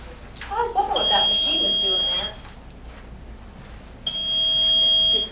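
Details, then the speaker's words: Infusion pump being set up to run a patient's first chemotherapy dose (Cytoxan over 60 minutes): steady high-pitched electronic tones, an expected setup noise, with brief talk in the room. "little noisy at first just to set it up"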